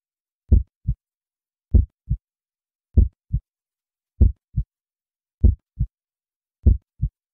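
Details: Human heartbeat for relaxation: steady, regular lub-dub heart sounds at about 49 beats a minute against complete silence; a normal heartbeat.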